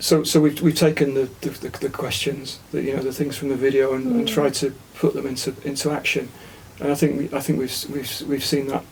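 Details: Aphasia in an adult man following a stroke about a year ago; attended a conversation therapy group.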